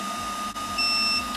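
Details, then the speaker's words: Shockwave Pro shock wave therapy machine's completion beep, a steady high electronic tone with a brief second beep over room noise, ending the 300-impact prostate part of an erectile dysfunction treatment done with tip 5 on a model. "so i just told us to stop so that's the prostate part of the ed treatment"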